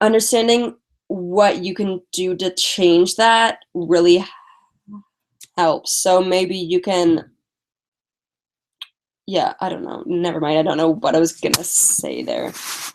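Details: Stuttering in a female speaker who uses strategies such as prolonging words and talking slowly; she is tired.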